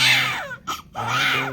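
A newborn's loud, high-pitched wailing cry with a brief pause for breath, then crying resumes; a normal vigorous cry after delivery.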